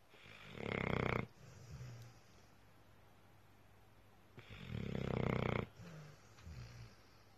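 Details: Pit bull-type dog (XL American bully) asleep, two loud rattling snores on inhalation, each followed by a short grunting exhale, about four seconds apart; snoring.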